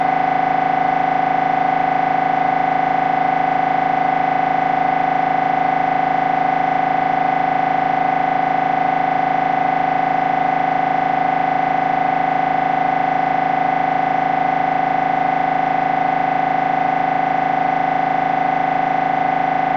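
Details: MRI brain scan recording: loud, steady, fast mechanical buzzing at a fixed tone, about 158 pulses a minute, from the MRI scanner during normal operation; MRI scanner noise.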